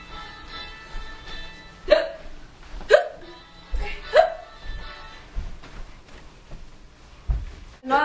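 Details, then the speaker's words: Person with hiccups, testing home cures: three sharp, abrupt vocal catches about a second apart over background music, from the glottis snapping shut after diaphragm spasms. "nto the lungs the loud noise comes from our breath being cut off by the glotus shutting glotus is the opening between the vocal cords"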